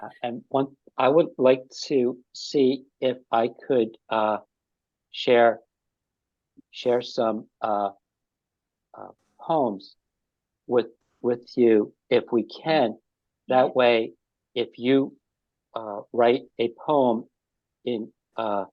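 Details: Ischemic stroke five years earlier in an adult man, with resulting aphasia; halting speech with frequent pauses and fillers; aphasia after stroke.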